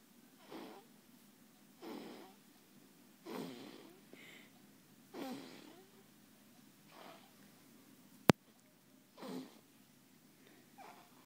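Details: Soft, rhythmic snorting snores from a sleeping 17-day-old baby girl, about 40 breaths a minute: infant snoring.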